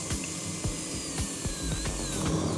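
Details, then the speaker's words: High, thin whine of a dental drill over background music, drilling out a small tooth's mercury amalgam filling under shield and strong suction to protect from mercury vapor; dental drill. "you will be safe from the mercury vapor that's released when we drill out the filling okay Kendra now we're going to take out the"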